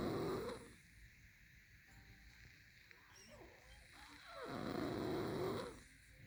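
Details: Loud rough snoring on each in-breath with quieter pauses, two snores in about six seconds; snoring recorded 10/31/19.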